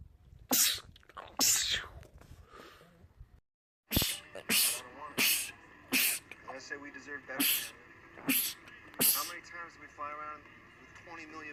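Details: Sneezing from a compilation of men's rapid sneezing attacks: bursts of rapid repeated sneezes from adult men, separated by brief voiced sounds and a short silent break, film audio with background tone.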